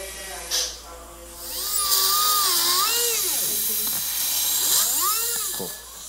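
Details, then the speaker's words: High-pitched whining drill rising and falling in pitch during robot-guided (Yomi) pilot osteotomies for YomiLink Bone fixation screws on the maxilla, in full-arch dental implant surgery on a sedated patient. "he starts with the initial pilot osteotomies for the fixation screws Guided by yomi playing hit the yummy bone link okay now hit screw number four"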